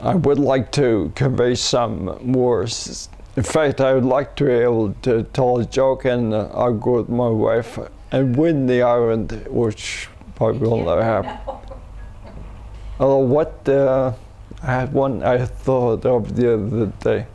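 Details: Adult man with a neurodegenerative disorder first diagnosed as cerebellar ataxia, later rediagnosed as multiple system atrophy, who went to China for umbilical cord blood stem cell treatment, seeing a speech pathologist; dysarthria (multiple system atrophy).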